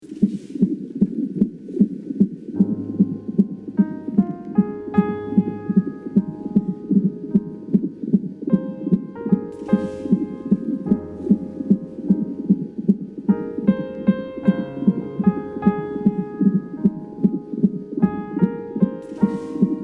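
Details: Steady, regular heartbeat at about 76 beats a minute, heard under soft piano music; normal heartbeat.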